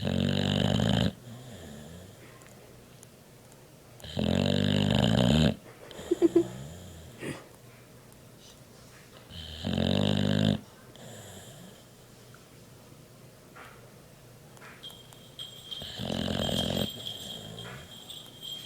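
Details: A sleeping dog's loud snoring: rough snores recurring every five to six seconds, about eleven per minute, with soft breathing between them.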